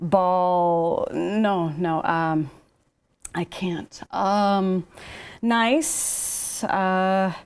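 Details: Speech-language pathologist imitating the word-finding difficulty of aphasia after stroke or brain injury while describing a picture; aphasia (imitated, word-finding difficulty).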